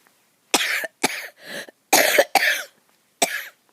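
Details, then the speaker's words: A run of six short, harsh, dry coughs in quick succession from an adult, with coughing starting while she talks outdoors. "I hope I can finish this deal maybe I'll just shut up and let this just let the film go but then you're going to hear me coughing"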